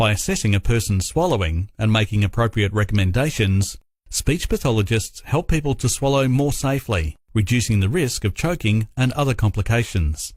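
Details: Adult male narrator; normal speech.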